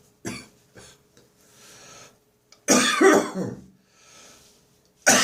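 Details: Dry morning cough lingering after bronchitis, with phlegm nearly all gone: several short, harsh, dry coughs and throat clears, one louder hacking burst with a voiced end.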